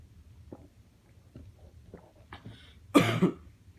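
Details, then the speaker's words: Person in pain and distressed, near tears, hiccuping repeatedly: several soft, abrupt throat catches at irregular intervals, then a louder cough-like burst; hiccups. "I'm hiccuping so much. Why? Please."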